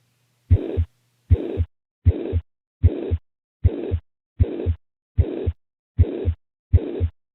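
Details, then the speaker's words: Teaching example of a high-pitched heart murmur: steady heartbeat near 77 a minute with a high-pitched blowing murmur filling the systolic gap between the two heart sounds. "here's an example of a high-pitched"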